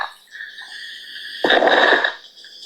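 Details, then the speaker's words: Auscultation example of a lung with pneumonia, following a child's bronchiolitis sound: high squeaky tone with a rough, crackly burst during breathing; pneumonia crackles. "Este ruido que hace la bronchiquiolitis y así se escucha un pulmón con neumonía."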